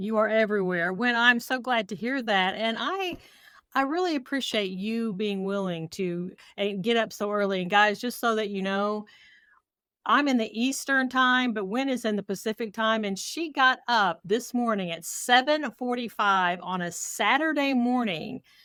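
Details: Adult woman speaking; typical speech.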